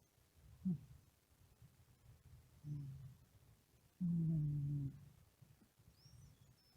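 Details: Sleepy cat: low, rumbling snores with soft humming tones on the breath, three bursts a few seconds apart; cat snoring.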